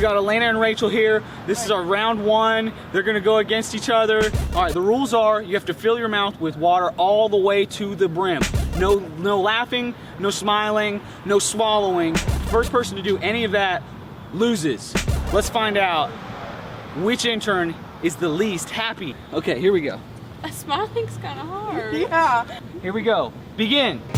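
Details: Adult male speaker; normal speech.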